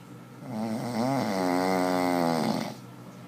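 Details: A single drawn-out, buzzing, tonal snoring breath lasting about two seconds in a quiet room.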